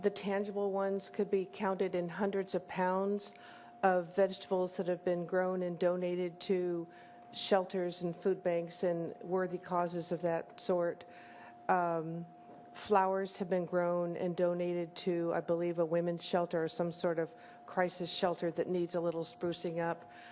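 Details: Adult woman speaking; normal speech.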